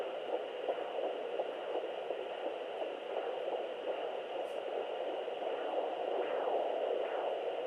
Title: 11 weeks fetal heartbeat via doppler